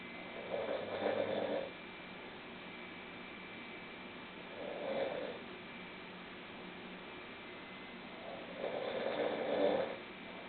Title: snoring 001